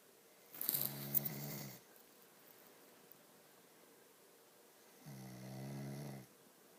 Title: snoring